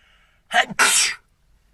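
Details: A single sneeze: a short voiced intake followed by a loud hissing burst, then silence.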